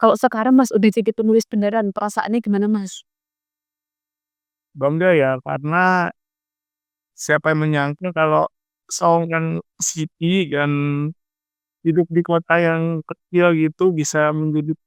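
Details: Adult speaker with cerebral palsy, after a fluent interviewer's question; dysarthria in cerebral palsy.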